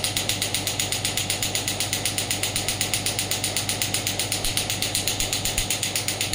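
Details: Biotronix pneumatic radial extracorporeal shockwave therapy (ESWT) machine, demonstrated on the hand at low intensity (4–6) then raised: steady fast clicking at about 4 pulses per second over a constant hum; pneumatic shockwave device firing.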